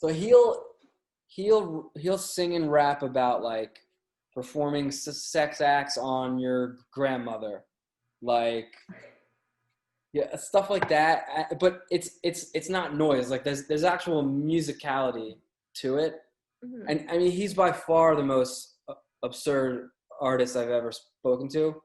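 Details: Adult male with a lifelong stutter, hard for him as a child; stuttering.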